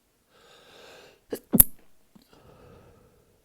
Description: F+ was taking a shower after a sesh and I let the held back sneezes finally out